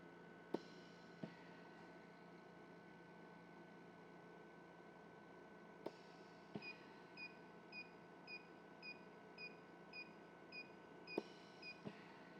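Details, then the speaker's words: Pro Series oxygen concentrator, used with a puppy incubator, running: quiet steady hum with soft regular puffs and clicks as it releases nitrogen; oxygen concentrator running. "when you hear that P sound coming from your oxygen concentrator that's it releasing nitrogen back into the atmosphere"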